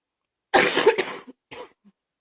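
Two short, dry coughs close together in a quiet room.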